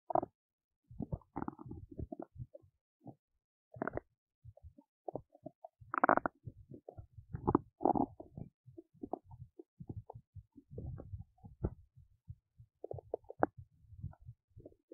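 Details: Big belly noises while digesting oats: frequent gurgles, pops and rumbles, active normal digestive bowel sounds.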